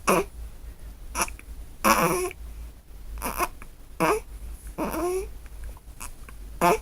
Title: Newborn Hiccups